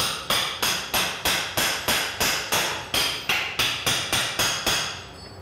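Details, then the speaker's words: About 15 sharp, regular surgical mallet blows, roughly three per second, knocking a spiked tibial implant and then the upper femoral component onto a model bone in a simulated total knee replacement. "See if you can knock that in now. Then we put the upper on it where we've made these cuts. Lots of hammering here."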